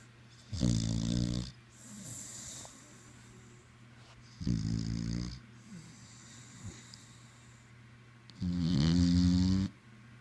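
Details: Snoring: deep, rumbling snores with soft snorts between them, three long snores in ten seconds.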